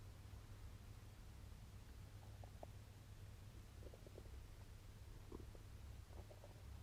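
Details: Stomach noises (bowel sounds) while digesting a Wagyu steak.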